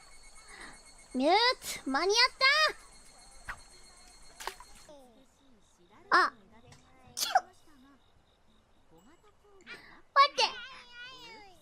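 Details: Female streamer caught by a sudden fit, then asks for a tissue: several short, high-pitched sneezes in quick succession with brief gasps between; run of sneezing.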